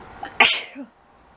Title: SNEEZE ATTACK!